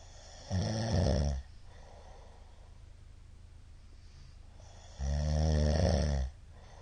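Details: Middle-aged man's (ojisan) snoring during sleep: two loud, low, rattling snores with a quiet pause between; frequent shallow hypopneas suggest obstructive sleep apnea syndrome.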